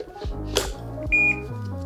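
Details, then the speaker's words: Handling clicks as the battery slides onto an Inogen One G5 portable oxygen concentrator, then a single short high beep confirming the battery is in. "You'll hear a little beep, just letting you know that the battery is in."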